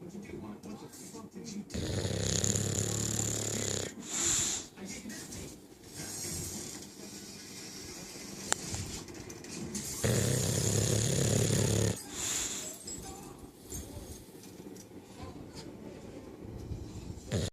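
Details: Loud, rough, rattling snores on each breath, with some room noise: heavy snoring from Dublin, a sleeping bulldog.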